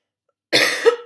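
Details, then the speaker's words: A single abrupt cough from an adult woman who says she is still sick, after half a second of silence. "Vous l'aurez entendu, je suis toujours malade, hein, donc je suis désolée pour ma voix un peu bizarre et pour avoir toussé un peu au cours de cette vidéo."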